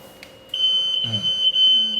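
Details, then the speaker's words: Continuous high-pitched electronic beeping with faint speech: a Progressa hospital bed's exit alarm, sounding after it is armed and the person on the bed moves, during a training demonstration. "See? So it's alarm. So you can silence Silent. it."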